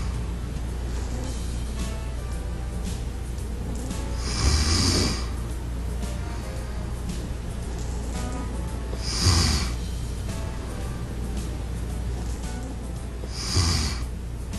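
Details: Three rough, low snoring breaths about four to five seconds apart, roughly 13 a minute, over steady background music; snoring.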